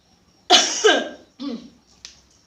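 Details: Two harsh coughs from an adult woman who is currently ill with a cough and strained voice, the first a double burst, then a softer cough, in a quiet indoor room while cooking.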